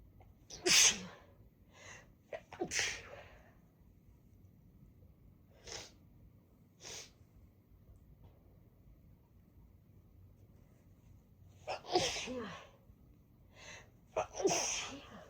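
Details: Several sharp, explosive sneezes, some preceded by a quick inhalation, with quiet sniffs between, in a congested adult triggered by chhinkni sneezing powder in the blocked right nostril.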